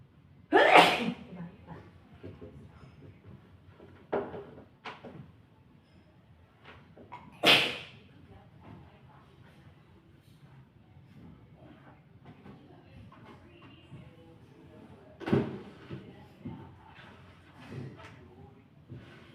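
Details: Sneezing triggered by dusting: two strong sneezes and a few smaller sneezy bursts with sniffing, over rustling room noise.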